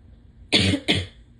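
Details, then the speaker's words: Two short, harsh coughs in quick succession, from someone with pollen allergies (itching, sneezing, stuffed up, voice dipping in and out for days); allergy-related cough. "um but yeah so um I'm just like stuffed up and itchy and Sneezy and coughing"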